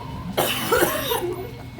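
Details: Grandparent coughing deliberately for fun to make a laughing baby granddaughter laugh: a single harsh, voiced cough burst.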